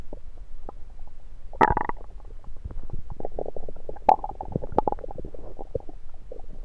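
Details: Repeated irregular gurgles and low rumbles with a few louder squelches, recorded over the person's own abdomen with a USB stethoscope: ordinary stomach rumbling, normal bowel sounds.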